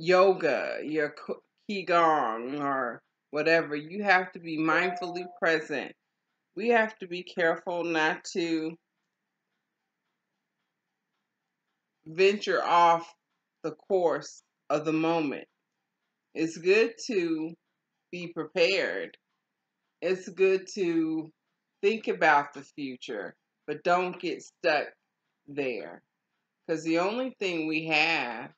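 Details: Adult woman with aphasia after a stroke, in ongoing stroke and aphasia recovery; aphasia.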